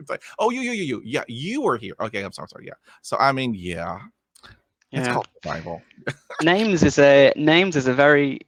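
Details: Man of about 50 who has stuttered since a dog attack with head injury at age five; initially severe, speech therapy in the 1970s, uses tapping and accents to get through blocks; stuttering.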